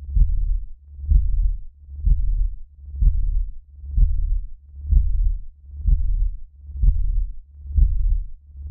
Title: 45 Min Healing Heart Pulse - (Mind Entrainment + Healing & Developmental Heartbeat)